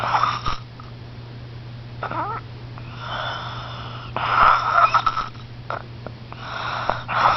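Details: Snoring: repeated whistling, nasal snoring breaths with a steady hum in the background.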